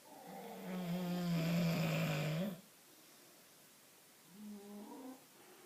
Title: Bulldog snoring...